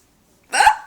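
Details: A single abrupt voiced gulp after silence: a hiccup in a person's prolonged bout of recurring hiccups shortly after eating Chinese food.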